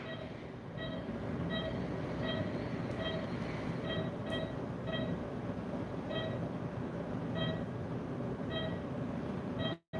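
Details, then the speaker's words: Doctor's own pulse oximeter probe on his earlobe while he breathes consciously: beeps at roughly 75–80 a minute, spacing shifting as heart rate rises and falls with breathing. Respiratory heart rate variability. "just listen to my heartbeat as I breathe in a conscientious way my earlobe is experiencing the difference in the blood flow just like how any other part of my body is take a listen"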